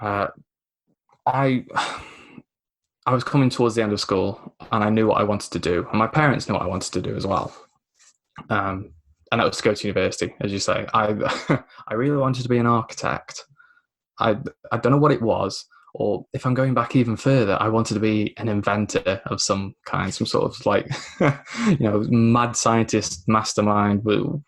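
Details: Lifelong stammer (dysphemia), mainly blocking, in a 24-year-old man, a self-described recovering stammerer who had professional help including the McGuire programme at 15.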